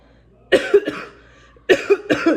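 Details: Four harsh coughs in two pairs in a quiet room from a COVID-positive mother with chest symptoms, who says her medication is not helping; cough.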